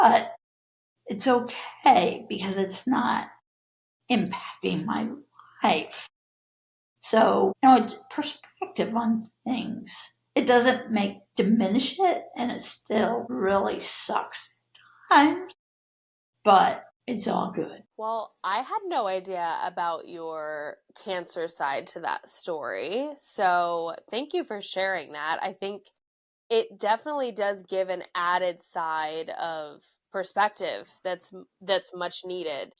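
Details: Adult woman with spasmodic dysphonia (laryngeal dystonia), a neurological disorder of no known cause, with abductor and adductor features; voice worsens with stress; spasmodic dysphonia.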